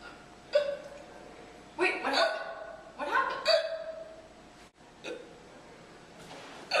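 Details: Person with hiccups while telling a story, from a teen filmmakers' independent project: several short, sharp involuntary gulping sounds at irregular intervals, about five in seven seconds; hiccups.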